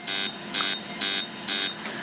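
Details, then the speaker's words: Syneron/Candela Core fractional CO2 laser in fusion mode, its most aggressive setting, firing regular high-pitched beeps as it treats a female patient's severe acne scars. Skin is held on stretch and pulses circle each scar ('shouldering'). "so what I'm going to do first is put them on stretch and I'm going to go around each scar in a circle"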